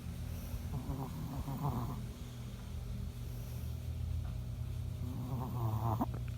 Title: Why my dog snores so loud? 🧐